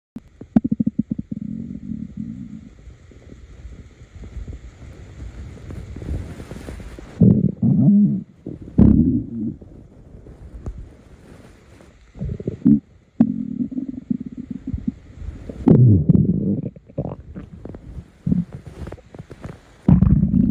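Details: Low gurgling and rumbling bowel sounds in irregular bursts with quieter stretches between: stomach growling (borborygmi).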